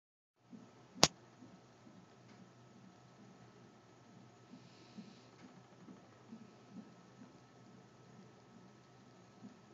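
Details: Baby girl's fetal heart tones on Doppler: faint, rapid, regular pulsing at about 134 beats a minute.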